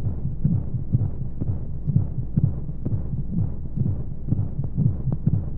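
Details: Womb sound for baby sleep: soft, muffled, regular heartbeat thumps under steady whooshing white noise and monotonous flowing sounds. Heartbeat.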